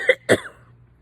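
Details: Two quick, harsh coughs in close succession, the second stronger and trailing off, after smoking a Swisher by a non-smoker whose eyes are watering; a smoker's cough.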